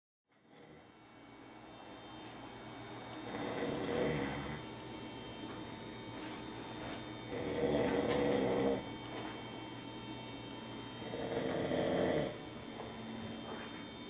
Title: Snoring